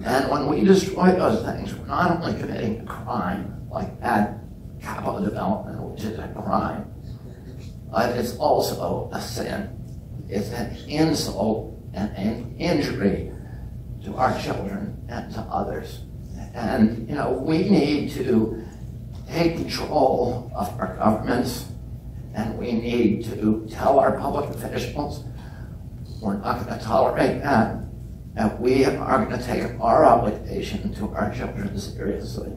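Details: Real adult man with spasmodic dysphonia (he calls it spasmodic dystonia), onset at age 42 after a previously strong voice; he reports symptoms lessen or go away after speaking a while, and it is not painful. Finding: spasmodic dysphonia.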